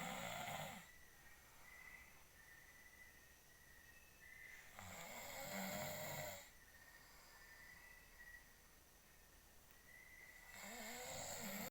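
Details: A husband snoring while sleeping: slow, rough snores about every five seconds, around eleven a minute, with quiet breathing between.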